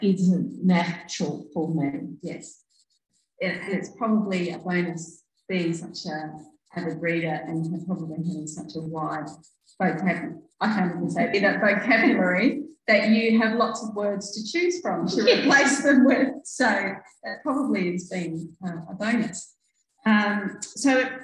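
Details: Adult woman speaking; typical speech.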